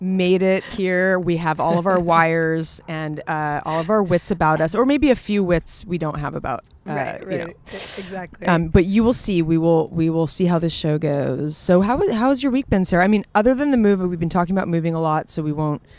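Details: Adult female speaker, podcast conversation; Normal conversational speech.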